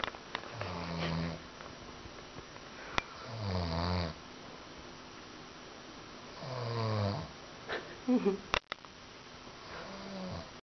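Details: Man snoring extremely loudly: rattling snores on each breath in, about three cycles in ten seconds, with a snort near the end.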